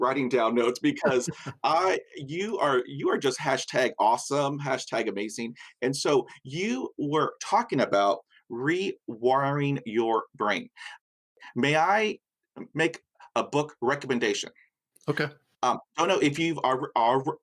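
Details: Man with persistent stutter acquired at age five after a dog attack with head injury, severe after a long period without speech; mother also stuttered as a child; stuttering.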